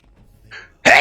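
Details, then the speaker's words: Adult sneezing while playing a video game: a soft breathy intake, then a sudden loud, hissing explosive burst. "Got really focused there because my sneeze kind of threw me off."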